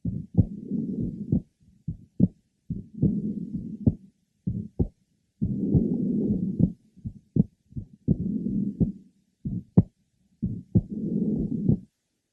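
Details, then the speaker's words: 13-year-old boy with a normal heart, left sternal border: normally split second sound widening with inspiration, and a short, soft early-to-mid systolic innocent murmur. "the second heart sound is normally split and widens with inspiration a short early to mid systolic mmma is also present"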